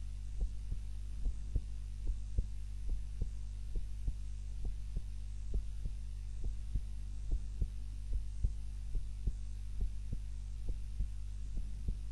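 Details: Heart sounds recorded by timer during a daytime nap, lying on the back rather than the usual face-down: steady soft heartbeats about 72 a minute over a constant low hum; normal heart sounds.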